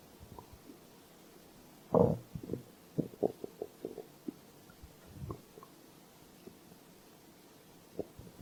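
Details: Stomach growling (borborygmi) from hunger: soft gurgles and small bubbling pops over a quiet room hiss.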